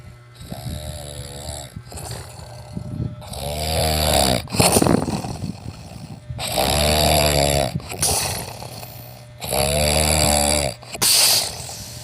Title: snore. #snoring